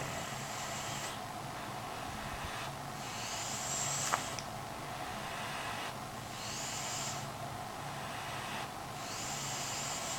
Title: Sir Snore-a-lot